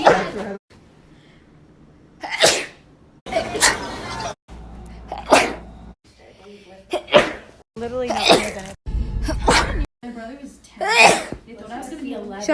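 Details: Series of separate sharp, explosive sneezes, several with a vocal 'achoo', quiet room sound between them.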